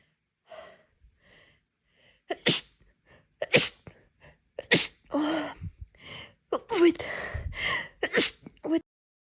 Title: Attempting to read while I endure a rapid sneezing fit 🤧